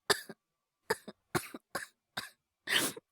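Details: Simulated cough acted by an adult male voice actor playing a young boy with a cold: six short, wet-sounding cough bursts, each with a quick follow-on catch; acted cough, not real illness.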